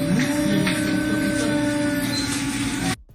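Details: Adult voice, sustained vowel; breathy voice from vocal fold atrophy (bowing).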